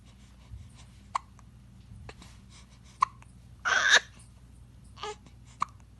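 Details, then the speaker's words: Baby with hiccups, crying on and off: several brief, sharp catches of breath a few seconds apart, with a short fussy cry between them. Hiccups. "என்னடா இது விக்கில் எடுத்துகிட்டே இருக்கீங்க பார்க்குறியா?"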